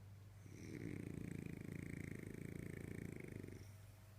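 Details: Snoring in Valentina, a French Bulldog: one long, low, fluttering snore lasting about three seconds with a rapid vibrating rattle, typical of a flat-faced dog.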